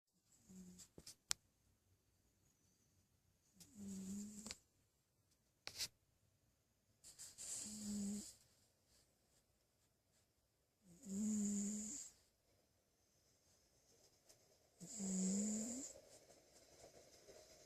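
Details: Cat snoring quietly in a small room: soft hissing snores with a faint whistle about every four seconds, a few light clicks between; snoring.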